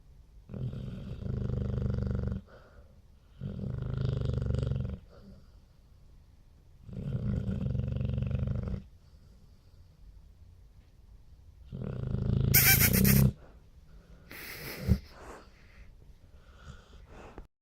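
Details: Heavy snoring: deep, loud rumbling snores in regular bursts of one to two seconds each, then a snort and quieter breathing.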